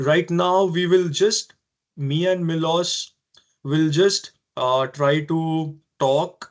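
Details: Adult man who has stammered since early life, persisting into adulthood; stuttering.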